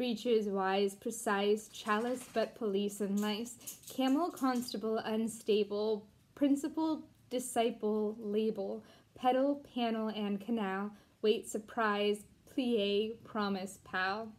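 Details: Deaf woman, once completely mute, who taught herself to talk again and cannot hear herself, reading an English poem aloud; deaf speech.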